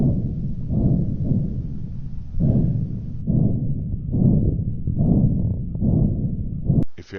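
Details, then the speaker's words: Dialysis patient's arteriovenous fistula access listened to by placing it next to the ear: low continuous whooshing swelling with each pulse, about 70 a minute, the normal "good to go" bruit. "what does a green light or good to go access sound like your axis should make a gentle whooshing sound like this and should sound the same each time you"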